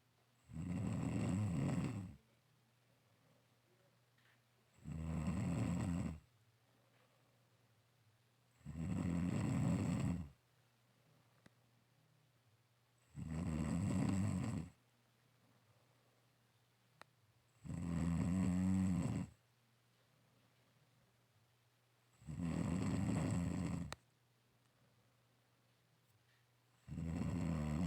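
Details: Loud, regular snores about 14 a minute, each a rough low rumble on the in-breath with quiet pauses, recorded in a dark room.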